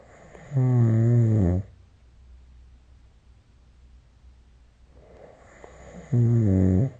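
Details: Snoring during sleep recorded with the SnoreLab app: two loud, rough, rumbling inhaled snores about five and a half seconds apart, with quiet breathing between in a still room.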